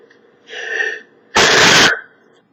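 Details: Male sneezing: a short in-breath followed by one loud, explosive burst of air, a single sneeze.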